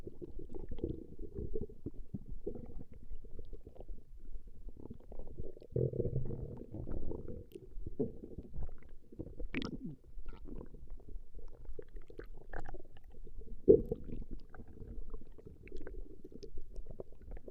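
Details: Female's stomach growling recorded over a 20-minute session: continuous low rumbling and gurgling with occasional squeaky bubbles as gas and fluid move through the bowel, borborygmi.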